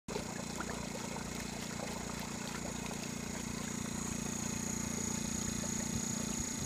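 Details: Steady, even mechanical buzz and hiss of a compressor-driven nebulizer running continuously.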